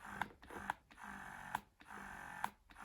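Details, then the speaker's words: BellaBaby wearable breast pump in variation mode, demonstrated with a balloon to show the suction: soft motor hum broken by rhythmic clicks and pauses, three short pulls then two longer pulls, as the breast pump cycles its suction. "you can see like three short pull and then two longer pull"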